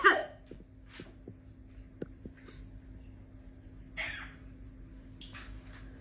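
A parrot gives a few short, harsh, cough-like bursts over a steady background hum.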